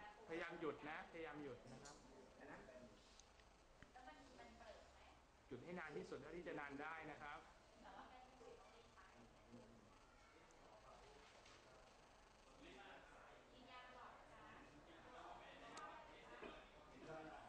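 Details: Patient with Tourette's syndrome whose complex motor tics of head, arms and legs occur with grunting and humming noises and repetition of a word's last syllable; vocal tics with palilalia (Tourette's syndrome).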